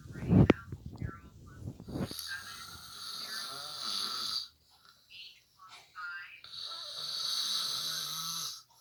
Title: Snoring Dad during online school